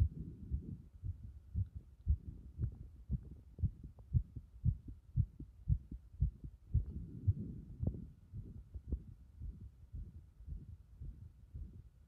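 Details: Heart sounds recorded while the chest is repeatedly pressed in: regular low thumping heartbeat at roughly 115 beats a minute, with muffled rubbing noise between beats.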